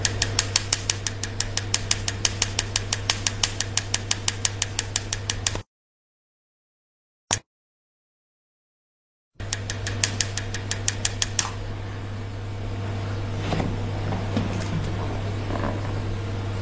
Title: Tatoo removal video